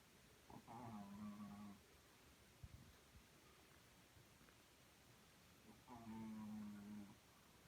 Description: snoring loudly in the background. 😜